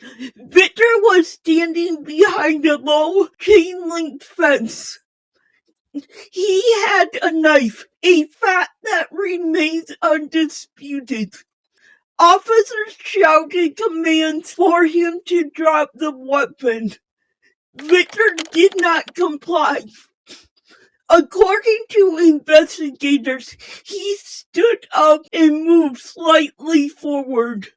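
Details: Speech impairment in an adult female channel host, described as possibly hard to understand at first.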